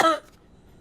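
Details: Acted single brief throat-clearing cough in a comedy skit, from a character whose cough is blamed on the air conditioning and who is taken to the doctor.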